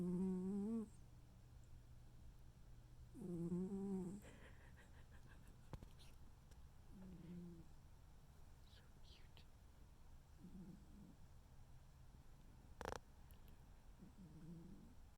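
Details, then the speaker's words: Snoring in a sleeping pet: soft, squeaky, whistling snores with each breath, about five in fifteen seconds, fading after the first two. "You snore more than I do."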